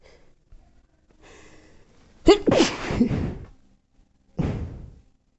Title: Messy chirstmas sneezes 🤧